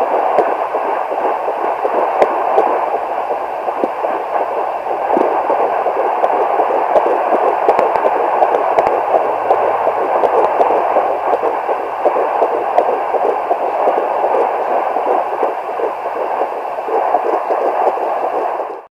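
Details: Fetal Doppler (Hi Bebe) at 11 weeks 4 days of pregnancy: rapid whooshing pulses around 165 a minute, a normal early fetal heartbeat.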